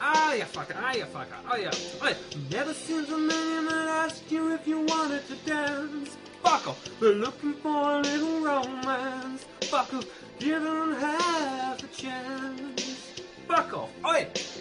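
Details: Vocal tics with coprolalia (repeated involuntary swearing) interrupting karaoke singing in Tourette syndrome.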